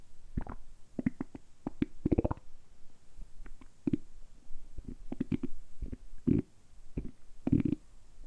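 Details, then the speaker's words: Deliberately produced stomach rumbling as ASMR: repeated low gurgling, bubbling rumbles from the belly in short bursts; ordinary, harmless borborygmi. "今日は単純にお腹を鳴らすだけの動画をお届けしたいと思います。"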